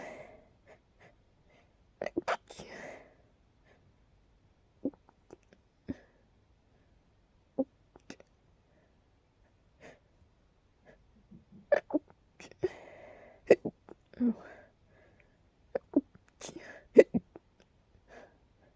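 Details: Several sharp sneezes and short catching breaths separated by quiet pauses; an intense sneezing fit that turned into a hiccup attack.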